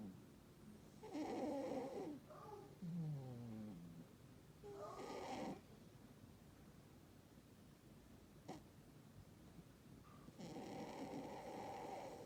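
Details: Sleeping Burmese cat snoring: rough, rattling snores on each breath with quiet stretches between; a Russian Blue cat is nearby.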